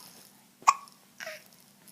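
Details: Baby giggling while being played with: a sharp, abrupt hiccup, then a softer voiced sound, over quiet room hum; hiccups.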